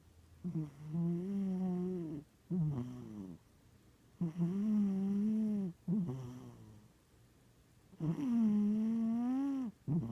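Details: Loud, buzzing snores from a sleeping cat, about 16 breaths a minute, with a long drone on each inhalation and a shorter one on exhalation; snoring louder than a human's.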